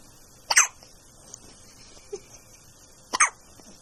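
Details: Baby with hiccups: two brief, sharp catches about two and a half seconds apart against quiet room noise; hiccups.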